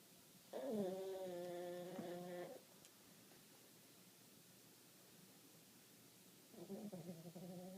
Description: Our Maltese is getting old, and has sleep apnea. He starts off by snoring a couple times, then completely STOPS breathing for a solid 30-40 seconds, then wakes up to catch his breath!